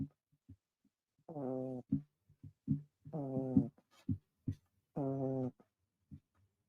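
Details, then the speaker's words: Snoring, which the recorder says sounds like their own farts, heard over talk and music. "sounds like my farts that's how he snores"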